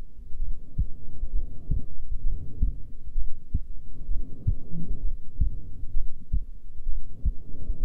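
Soft low thumps of a heartbeat under a steady low rumble, beat not sharply separated; a normal resting heartbeat.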